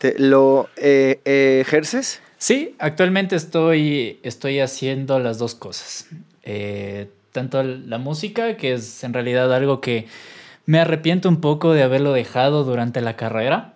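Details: Adult male Mexican singer with stuttering present since early childhood; he cannot recall speaking without getting stuck and reports not stuttering when singing.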